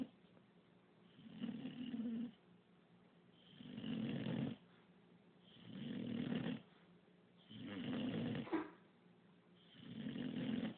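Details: English bulldog puppy snoring while asleep: steady, raspy, fairly regular snores, about 27 breaths a minute.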